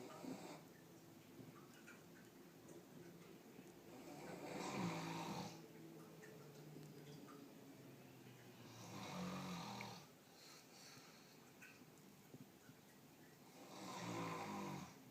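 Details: Slow, steady snoring from a sleeper described as very loud: a rough breath about every five seconds, roughly 12 a minute, with quiet pauses between.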